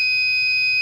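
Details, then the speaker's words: A simulated Arduino IV infusion alarm with fluid reading at 100 or below (about 80), red LED lit: a steady continuous high-pitched buzzer signalling the fluid is empty and needs replacing. "menyala dan buzzer menyala terus, bunyi terus? Ini kita lihat cairan infus di berapa ini, di 82 ya, 80 turun terus. Kita lihat penampakan aslinya, memang cairan sudah mau habis."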